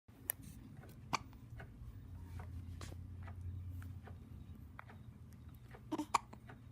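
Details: Several brief, sharp catching sounds from a newborn over a low room hum, some in quick pairs; newborn hiccups.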